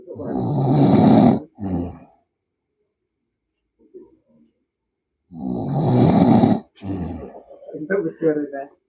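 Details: Snoring of a sleeping person, with background music.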